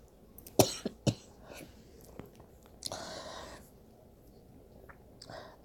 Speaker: excuse my coughing I'm sick so hey I'm sorry